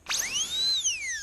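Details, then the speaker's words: NSK Pana Max-style push-button, standard-head high-speed air-turbine dental handpiece with a carbide bur, used in a home workshop to drill out a bolt. A piercing whine climbs in pitch as it spins up, holds, then slowly drops. "that's one of them sounds everybody loves so this is good"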